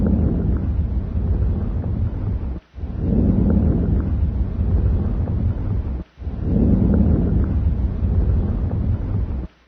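Soft, low-pitched rustling breath sounds, about 18 breaths a minute, with inspiration longer than expiration: normal vesicular breath sounds over the lung fields.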